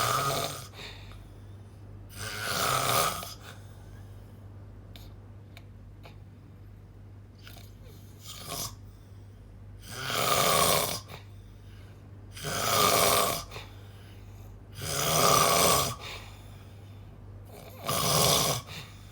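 Loud, harsh rattling snores on each breath, about 12 breaths a minute, with quiet pauses between.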